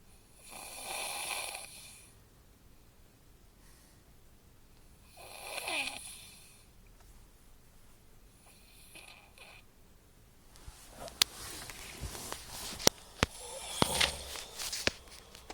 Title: dunny snoring